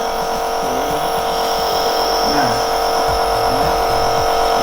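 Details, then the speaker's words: Nebulizer compressor switched on for steam therapy of a child's cough and cold, demonstrated in a campus nursing lab with 5 cc solution and face mask: steady loud buzzing motor hum, faint voices. "kita tinggal pencet tombol power alat Ini hanya salah satu cara banyak sekali macamnya alat-alatnya jelasnya tersedia di apotek tetap terlihat kesehatan"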